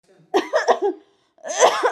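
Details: Acted coughs from an adult woman in a comedy skit where a daughter-in-law visits a doctor for cough medicine: a cluster of harsh bursts, a pause, then another burst.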